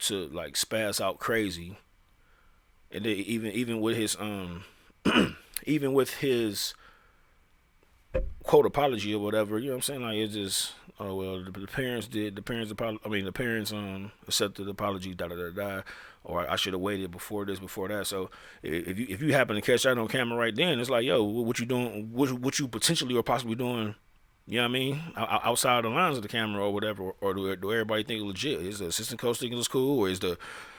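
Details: Adult male who says he stutters; real speech with repeated phrases; finding: stuttering.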